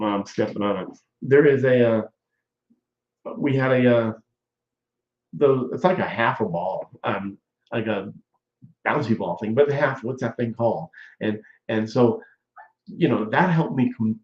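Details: Adult male stroke survivor nearly 14 years post-stroke with ongoing speech problems, chiefly talking too fast and struggling to find words, also subluxation; word-finding difficulty (aphasia)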